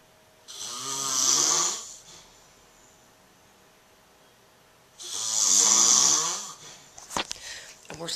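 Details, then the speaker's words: Adult man (a father) asleep after a long Christmas morning, two long loud rasping breaths about four seconds apart, then faint rustling; snoring. "i just videotape daddy's snoring so he knows how loud he is"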